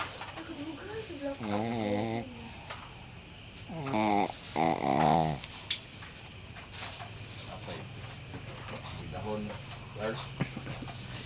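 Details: A Shih Tzu dog snoring after a long day: rattling, wheezy snores mixed with whiny squeaks over steady background hum.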